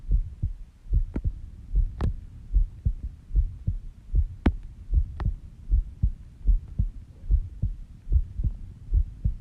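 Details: Own heartbeat recorded during sleep at 5:30 am, described as slow at about 70 bpm; steady, regular low heart thumps, a normal resting heartbeat.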